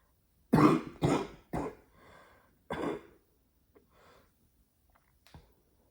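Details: Smoker's cough in a woman who has smoked one pack a day of Marlboro Red for 14 years: four harsh, throaty coughs with throat clearing while smoking, then quieter breaths and a final short cough.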